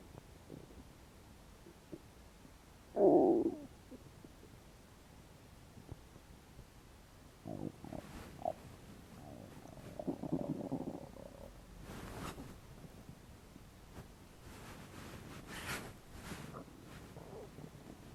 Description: i had not eaten for about 12 hours. sounds like my stomach is not okay with that....